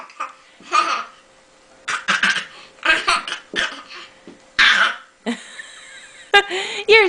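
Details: Baby gives short, deliberate fake cough-like bursts on request, with adult talk and baby laughter: voluntary cough.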